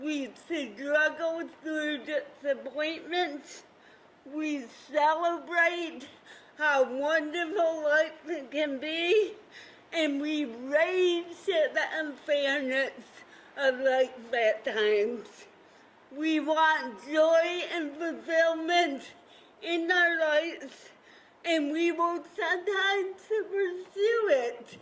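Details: Dysarthria from cerebral palsy in an adult woman, a counselor, who describes her speech as having a "CP accent"; real, not acted.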